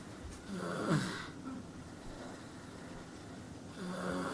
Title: Boy sleeping in a basket snoring.